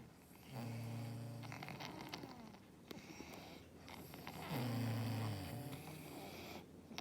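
Low, rattling snores on two breaths in, about four seconds apart, with quiet breathing out between; ordinary snoring.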